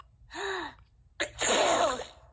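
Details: A rising in-breath, then a sharp explosive burst of air; a single sneeze from a cartoon character, not a real person.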